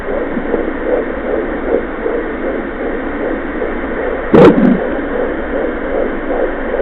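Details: Fetal heartbeat at 14 weeks of pregnancy, recorded with a Mommydop home fetal Doppler: rapid, regular whooshing pulses, roughly 155 beats a minute.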